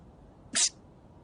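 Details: A single short, hissing sneeze from an animated series character (Emil von Selle, Legend of the Galactic Heroes), voiced by an actor, not a real patient.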